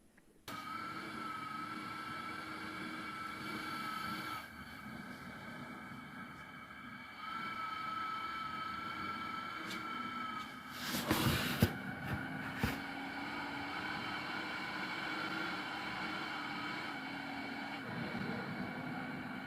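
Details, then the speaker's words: ResMed AirSense 10 CPAP with humidifier tank, new machine, whistling starting 2.5–3 hours into nightly use, on inhalation not exhalation: steady high whistle over airflow hum, rising and falling with breathing; a whistling malfunction. "if your machine's making a whistling noise and this whistles when you're inhaling not when you're exhaling at least this one does"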